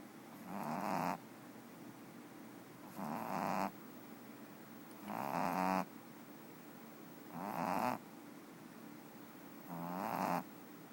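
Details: Napping dog snoring: five regular rattling snores, each with a vibrating buzz, about 28 breaths a minute, with quiet pauses between.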